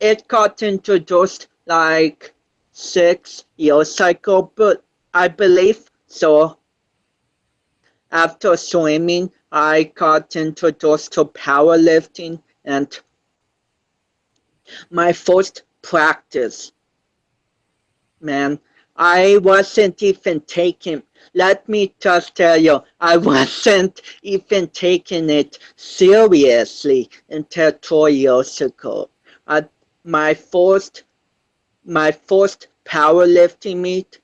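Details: 25-year-old male powerlifter born with cerebral palsy, which he says affects his balance, coordination and speech; speech impairment associated with cerebral palsy.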